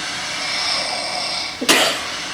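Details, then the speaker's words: A single short snort-like snore over steady background hiss, captured overnight by a sleep-tracking app at 5:01 during sleep; the snorer describes occasional isolated snores. "It's just one snore, like that."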